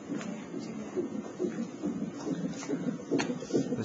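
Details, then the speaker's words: Fetal heartbeat on a fetal monitor while the mother is hooked up in a hospital room, receiving fluids and ice chips only: rapid, fairly regular whooshing thumps about 140 beats a minute. "i don't know if you can hear right now but that's your little heartbeat let's check it out real quick"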